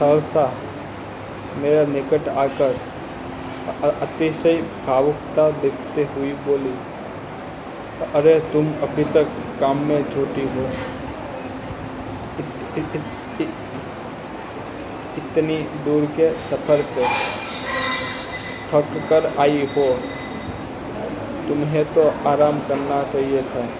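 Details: Adult man with stammering, day 65 of a self-directed stammering-control programme, reading story dialogue aloud as a fluency exercise in a public hospital; stuttering.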